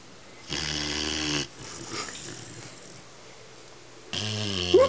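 Two loud, buzzing snores, each about a second long, separated by quieter breathing; snoring in a sleeping dog.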